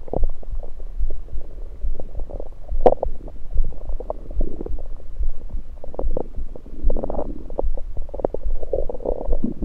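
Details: Abdominal gurgles recorded with a USB electronic stethoscope over the stomach, not during digestion but with liquids and air present: continuous low rumbling and bubbly gurgles, ordinary bowel sounds.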